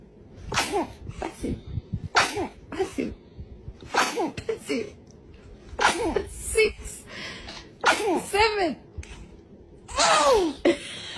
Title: Baby sneezes! Cute and funny baby videos #baby #kidsoftiktok #funnybaby #kids #babyfunny